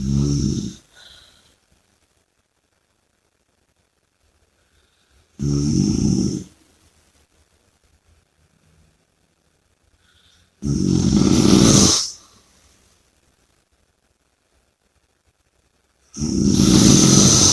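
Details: Sleeper snoring and breathing heavily: loud rattling snores on each breath in, about four in the stretch with long quiet gaps, some with a noisy breath out; heavy snoring.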